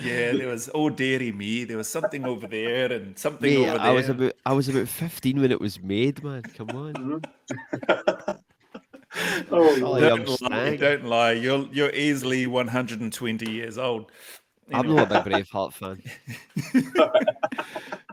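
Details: Adult male speaker; no speech disorder.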